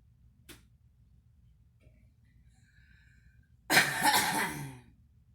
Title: girl smoking and coughing